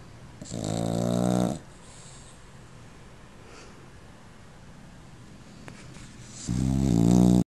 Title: Snoring puppy